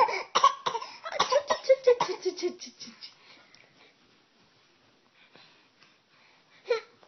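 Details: Voluntary cough: a child fakes a cough to draw mother's attention, giving a quick run of forced, deliberate coughs, then a pause before one last cough.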